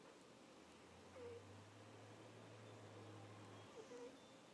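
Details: Napping cat snoring: low steady hum of breathing with faint squeaky chirps at each breath over room hiss.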